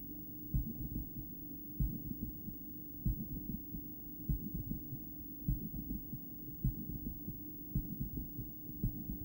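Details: Adult female's heart via stethoscope during breathplay, heart going into bigeminal rhythm several times: low, slow beats with irregular bigeminal rhythm, loud breathing noise, suboptimal stethoscope spot.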